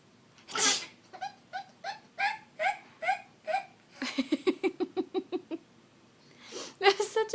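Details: Sharp sneeze-like burst, then giggles and rapid laughter, another burst at the end; a child sneezing playfully and laughing at it.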